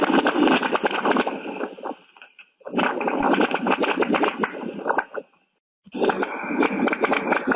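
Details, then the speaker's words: Doppler recording from the heart after a dive: rough, crackling venous flow with frequent scratchy pops, not smooth, showing venous gas emboli graded as grade 3 bubble count. "if they are looking for bubbles and if they find bubbles well it's will not sound as smooth and neither this is like a like a grade three for bubble count here"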